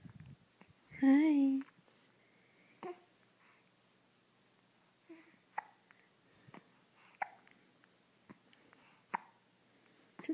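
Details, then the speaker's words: Baby with hiccups, vocalizing with a string of small, sharp, regularly spaced catches in the breath. "hard to smile when you have the hiccups."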